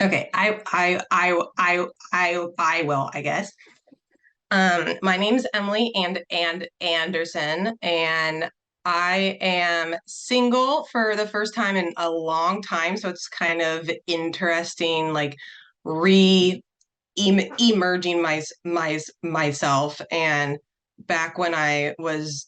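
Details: Adult female panelist who stutters, introducing herself, with audible word and part-word repetitions; stuttering.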